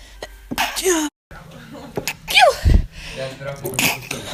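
Several abrupt explosive sneezes with sharp intakes between them, mixed with voices; ordinary sneezing.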